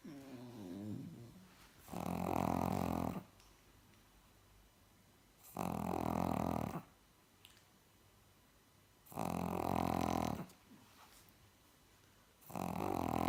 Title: Snoring Pug